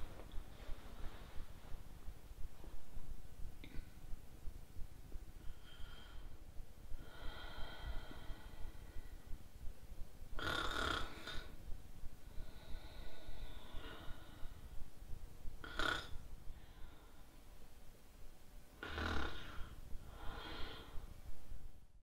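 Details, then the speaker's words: Acted snoring by a woman who believes she has sleep apnea, filmed asleep without her CPAP to count apneas, in a satirical film: irregular noisy snorts and rasping breaths separated by quieter gaps. "Det är nämligen så här att jag ska filmas här när jag sover utan CPAP:en för att registrera antalet apnéer så att ni får se det."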